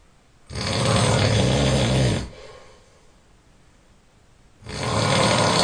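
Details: Extremely loud heavy snoring: harsh, rattling snores on the in-breaths, two in under six seconds, with quiet out-breaths between.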